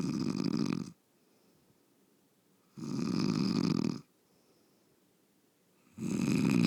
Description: Long loud snoring from my bed mate, this is the reason I can't sleep.